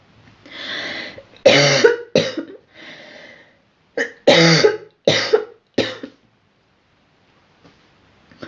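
A girl coughs in two clusters of short, forceful bursts, about six coughs in all, in a quiet room.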